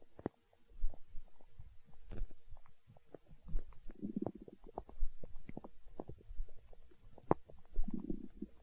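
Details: Stomach growling (borborygmi), hunger sounds from an ASMR recording: irregular low gurgles and rumbling bursts from the belly.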